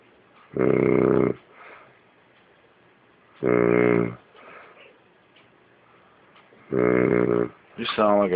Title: Snore monkey